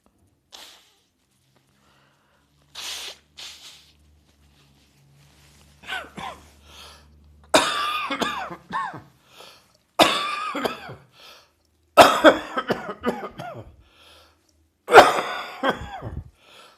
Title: Coughing and Nose Blowing after Heavy Chest Cold